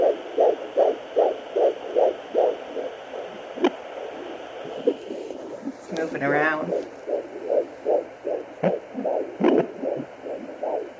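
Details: Fetal heartbeat at 16 weeks of pregnancy, heard on first use of a home pocket fetal Doppler: rapid, regular whooshing pulses at about 154 per minute.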